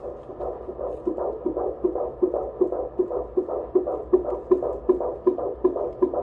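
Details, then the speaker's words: Fetal heartbeat at 17 weeks pregnant (boy), handheld fetal Doppler at prenatal appointment, heard for first time: rapid regular whooshing about 155 beats a minute; normal fetal heart rate. "And then the most amazing thing, she used a little fetal Doppler and I got to hear baby's heartbeat for the very first time."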